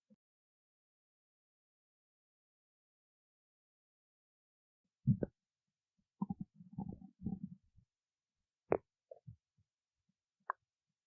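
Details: Stomach growling: mostly quiet, broken by a few brief low gurgles and a short rumbling run; ordinary bowel sounds (borborygmi).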